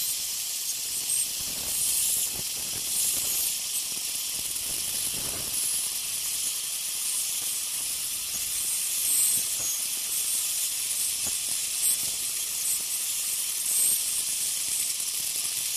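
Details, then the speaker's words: Ultrasonic piezosurgery bone saw tip cutting vertical sections of a sinus window osteotomy with very little pressure and gentle sweeping motion: continuous high hiss with faint scratchy swells. "again very little to no pressure just gentle sweeping motion on a smaller scale obviously but it's still same still same concept"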